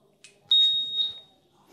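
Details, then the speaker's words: Tafonius Junior large animal ventilator: short, high electronic beep with faint clicks as the run button is pressed after the pressure test, starting the operating phase. "release the pressure and then push the Run button and we're going to go straight into the um phase where we can start using the machine push the Run button"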